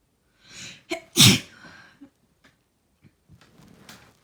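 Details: Person sneezing after about three hours of crying: a short inward breath and a forceful, wet, messy sneeze burst, followed by quiet sniffling and breathing.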